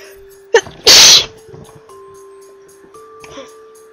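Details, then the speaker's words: Deliberate sneeze attempted with both eyes open: short intake of breath, then one loud explosive sneeze, music in background. "You know these bubblegum rappers, you get a joke them and on this one it is written that it is impossible to sneeze with both eyes open. And I'm going to unprove that."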